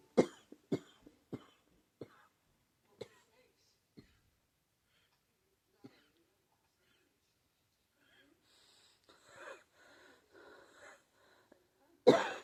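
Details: Person diagnosed with pneumonia, saying the cough hurts: a run of about ten short coughs fading in strength, then whistling wheezy breaths and one final hard cough.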